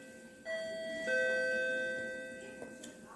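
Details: Hospital nurse call bell system, bedside unit paired to a display: a two-note electronic ding-dong chime, fading out; a nurse call alert from a patient's bed.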